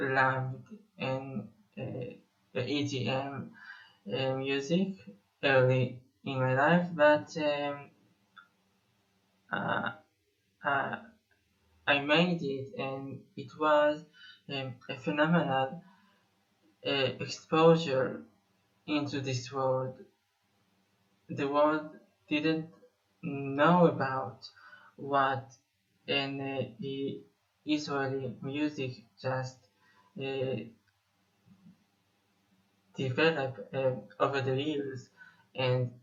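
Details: Male Israeli musician who says he has stuttered for almost 21 years; stuttering.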